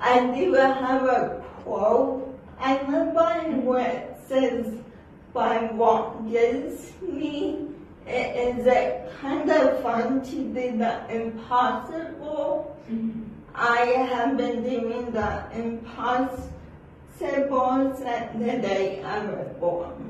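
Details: Dysarthria from cerebral palsy in an adult woman whose speech is not understood by everyone in public.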